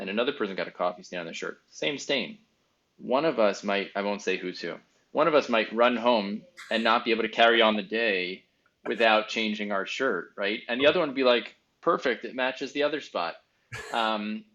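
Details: Adult male speaker; typical speech.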